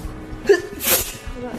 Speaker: did you hear that little sneeze in the background